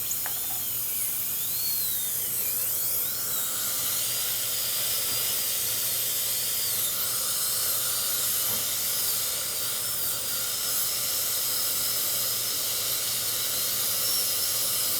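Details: Continuous high whine with hissing water spray, pitch dipping and rising as the bur loads: a high-speed dental handpiece doing final preparation of four upper-right teeth at once for crowns.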